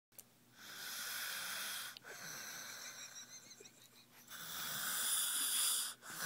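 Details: Sleeping young boy snoring: long, hissing, whistly breathing sounds, about two breaths in six seconds, with a wheezy, high-pitched quality.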